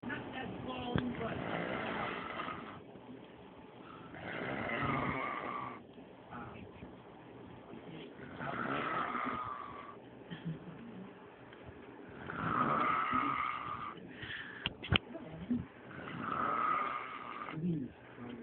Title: frank snoring